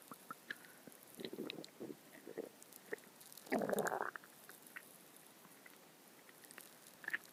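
Gurgling, bubbling rumbles from an adult stomach, one louder growl among quieter clicks: ordinary stomach growling.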